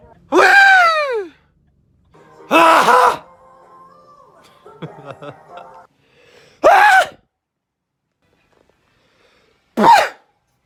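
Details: Compilation of sneezes collected over two months: four sharp, explosive sneezes, some with a voiced cry, separated by quiet pauses and a brief clatter; repeated sneezing.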